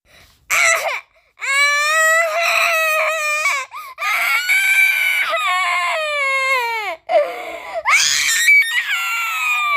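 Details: Infant crying: loud, high-pitched wailing in repeated bursts with brief pauses for breath.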